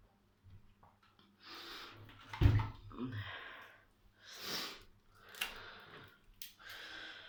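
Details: A child gives one sharp, loud cough burst among several hissy, noisy breaths in a small quiet room.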